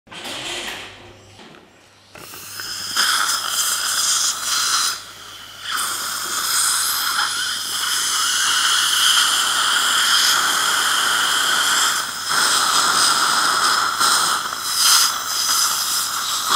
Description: Saliva ejector system used in a dental practice (Brussels). This system is integrated on the dental unit S 300 (STERN WEBER).